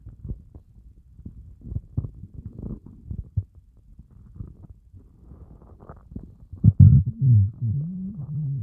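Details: Hungry stomach growling after fasting over 24 hours (30+ hour fast): low, irregular gurgles and groaning rumbles building to a long loud growl near the end; normal borborygmi.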